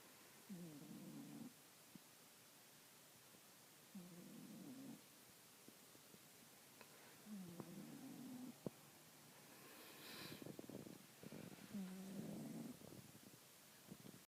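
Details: Snoring in a sleeping cat: steady rhythmic breaths, each a low rattling rumble with quiet pauses between.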